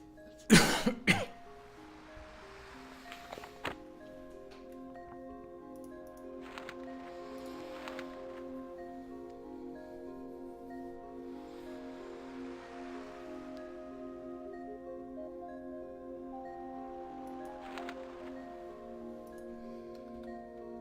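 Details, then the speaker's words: Adult coughing during a gameplay recording: a short cluster of about two or three sharp coughs near the start, then steady background game music. "all right now this is gonna be a little bit early but as you can hear I'm coughing quite a bit and this is a nice little break"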